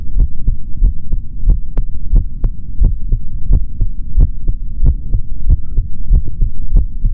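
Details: Male body sounds recorded through a stethoscope for ASMR, no talking: deep thudding heartbeats, roughly 90 a minute, over a steady hum; normal heart sounds.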